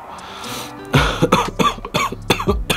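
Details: An adult who feels unwell, with watery eyes, during a COVID-19 antigen self-test gives a run of about five short, voiced coughs, with faint music in the background.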